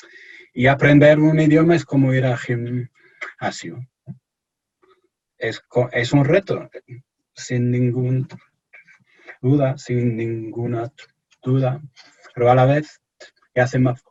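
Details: Stuttering in an adult male researcher from England speaking Spanish as a foreign language in an interview; he says he is a little nervous, which may affect his speech.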